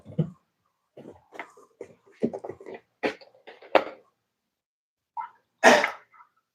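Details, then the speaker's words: Adult man at breakfast gives a few short throat-clearing sounds, then one sharp, forceful cough in a quiet room; cough. "You hear that? He's coughing. [laughter] He's coughing."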